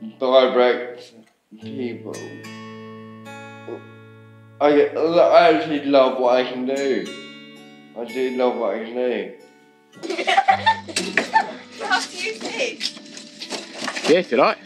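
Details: Ataxic dysarthria in a man with ataxia, a rare degenerative cerebellar disease affecting speech, muscle control, walking and swallowing.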